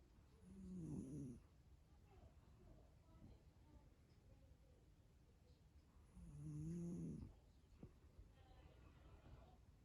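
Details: Male cat sleeping deeply after a difficult couple of weeks, a habitual snorer: two soft, low rattling snores about five seconds apart over quiet room noise.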